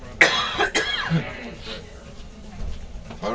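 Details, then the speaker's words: Child (John) imitating his hospitalised father's cough: two harsh cough-like bursts, then quiet voice sounds and room noise. "and now for our lesson on demon possession he was even he was even mimicking your cough"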